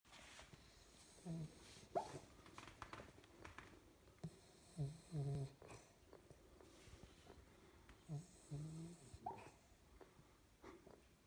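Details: 12-week-old Springer Spaniel puppy asleep and apparently dreaming: soft, low snoring in irregular bursts with small whimpers and squeaks, about 18 per minute; ordinary sleep noises.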